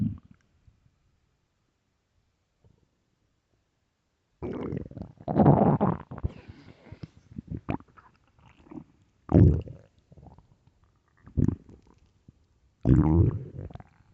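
Low gurgling, rumbling bursts from the belly after a quiet start: ordinary stomach growling, a common sign of hunger.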